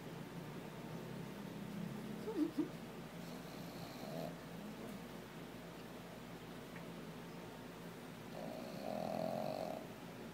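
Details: Pug sleeping beside its owner, with soft, low, fluttering snore sounds over quiet room noise: ordinary snoring.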